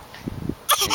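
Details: A young child's deliberate fake cough on a count of three: a soft throaty lead-in, then one sharp burst.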